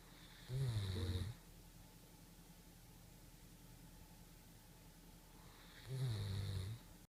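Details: Senior 9-year-old German shepherd dog napping on a couch with a pillow: two low, fluttering snores about five seconds apart with quiet breathing between; snoring.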